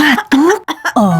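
An adult gives about four quick, strongly voiced acted coughs in a row, with short gaps between them.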